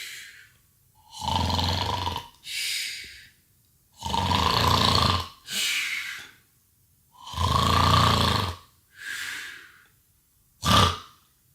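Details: Simulated snoring done as a prank on a baby: loud, exaggerated rattling snores alternating with breathy exhales, about three cycles; a deliberate imitation of snoring.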